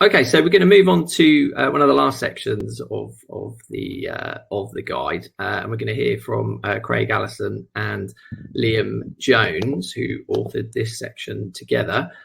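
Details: Adult man speaking; Normal speaking voice.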